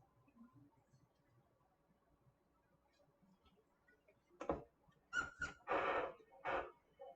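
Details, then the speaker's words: Anesthetized female dog after ketamine induction, on isoflurane 2%: Doppler probe on a shaved, gelled back leg gives rhythmic whooshing pulse sounds, heart rate about 88 beats per minute. "And you can hear her heart rate through the Doppler."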